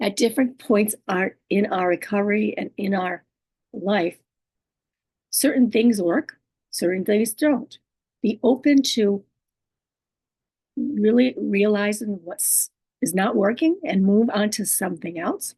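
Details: Woman living with aphasia, apraxia of speech, dysarthria and other communication disorders; her speech is sometimes hard to understand and distorted; aphasia with apraxia of speech and dysarthria.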